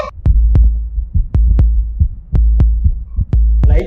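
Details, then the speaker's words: Normal first and second heart sounds: regular paired lub-dub at about 60 a minute, lub from mitral and tricuspid closure during ventricular contraction, dub from aortic and pulmonary valve closure during ventricular relaxation. "Dub sound எப்ப produce ஆகும்னா நம்ம ventricles வந்து relax ஆகும்போது pulmonary valve aortic வால் ரெண்டு வால்வும் கக்ளோஸ் ஆகும். அப்பதான் நமக்கு வந்து டப் சவுண்ட் வந்து ப்ரொடியூஸ் ஆகும்."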